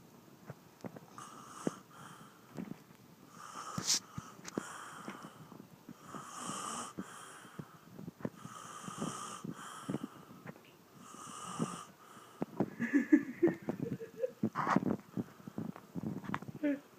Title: The bear snoring